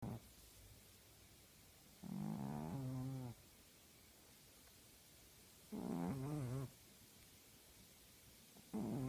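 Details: Sleeping female tabby cat with loud, rhythmic rattling snores, about three snore bursts with quiet breaths between them; ordinary feline snoring.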